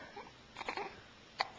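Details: A hiccup: one sharp, abrupt gulp-like sound among a few soft bursts in a quiet room, recorded on a Flip Video camcorder.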